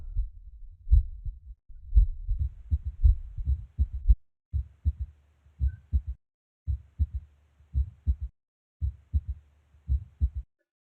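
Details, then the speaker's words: Teaching audio of an S3 heart sound, associated with heart failure: regular low heart sounds near 56 a minute, with an extra soft sound just after S2, silence between S1 and S2; S3 gallop. "notice how between s1 and s2 there is silence but between s2 and s1 there is a sound that you can hear"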